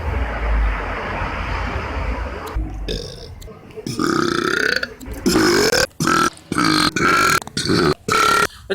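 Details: Compilation of short clips of a man deliberately burping: a run of loud, drawn-out voiced belches one after another with short pauses.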